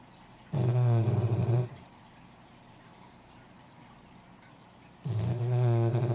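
Two loud, low, rattling snores about four seconds apart, with quiet breathing between them in a small room: snoring.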